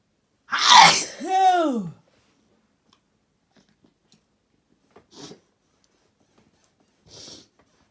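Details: Single loud sneeze with a voiced tail, followed by two soft sniffs or breaths.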